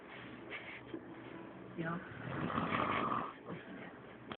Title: frank snoring